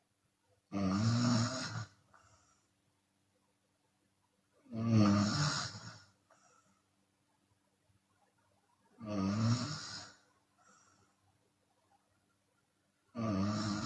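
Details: Chinese woman snoring with open mouth, sometimes on the exhale: loud, rough snores about every four seconds, roughly 15 a minute, with quiet exhalations between; open-mouth snoring.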